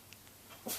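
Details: Baby girl talking a little and sneezing; a faint intake followed by one short, sharp burst of air, a single sneeze, then an adult says bless you.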